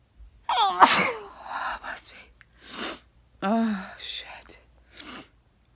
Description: Formally sneezing nonstop